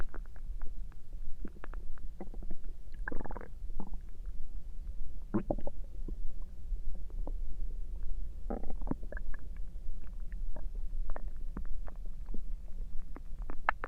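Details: Stomach noises recorded through the night: low gurgling and squelching rumbles over a steady low hum, ordinary bowel sounds (borborygmi).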